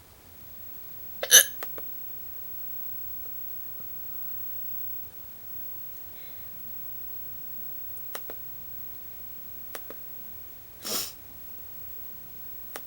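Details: Recording of own hiccups: two abrupt, sharp hiccup sounds in a quiet room with faint clicks between them; hiccups.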